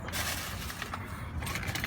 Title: Teeth Grinding Champion